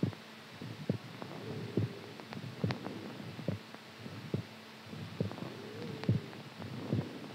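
Regular low thumping heartbeat at about 70 beats a minute, with a faint hum in the background.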